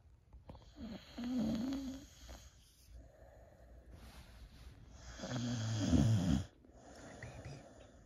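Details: Old female Boxer, feeling a little down, sleeping: soft, uneven snorting and rattling breaths over faint room noise; snoring.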